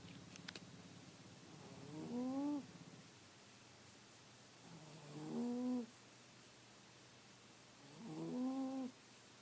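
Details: A sleeping pet cat, lying in front of a heater on a cold winter night, makes three loud, rising, whiny, groaning snores in rhythm, roughly 19 a minute; snoring.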